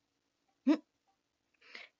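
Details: Adult woman with a Tourette-like tic disorder, recorded at night while tics kept her from sleeping; her vocal tics had been uncontrollable for hours that day; vocal tic.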